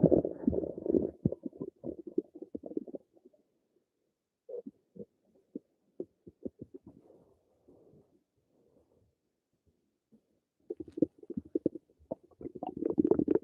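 Bursts of bubbly gurgling rumbles separated by quiet pauses; ordinary stomach rumbling.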